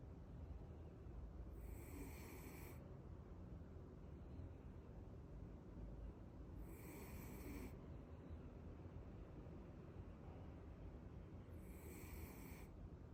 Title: cuddle and snore